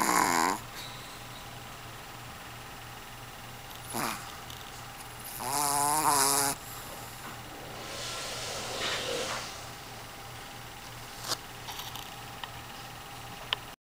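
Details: Irregular snorting and groaning, with buzzy snores and a softer breathy exhale between them, over a steady room hum; snoring.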